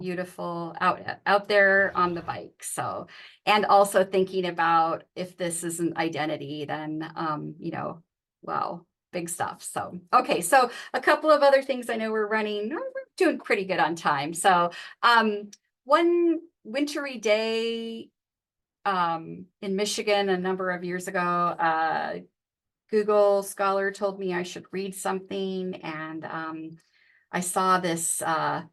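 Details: Adult woman speaking; ordinary speech.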